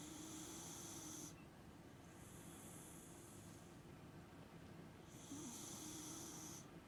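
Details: Girl sleeping after surgery: soft, hissing sleep breaths with a faint low buzz on each inhalation over steady room noise; light snoring.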